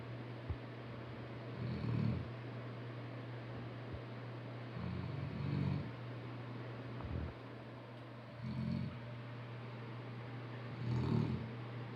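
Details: Rescue St. Bernard dog snoring after the beach: low, rumbling snores every few seconds over steady background hum; snoring.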